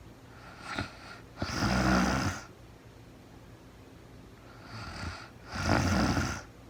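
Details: Real-time recording of a sleeping woman who was very tired: two rough, fluttering snores, each preceded by a softer breath, over steady room hum; snoring.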